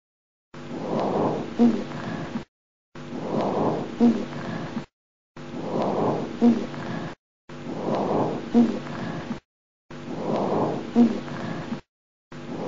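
Repeated breaths carry low-pitched, snoring, rumbling continuous sounds: rhonchi, from secretions in the larger airways.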